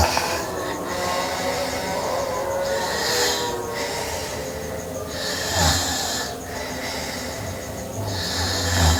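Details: Sleeping girl snoring: irregular snores at roughly 19 breaths a minute, buried in steady loud background noise with a repeating electronic tone.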